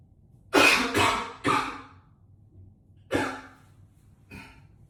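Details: Coughing up a lung in an echoey bathroom: four harsh, forceful coughs and a smaller fifth, a heavy repeated cough.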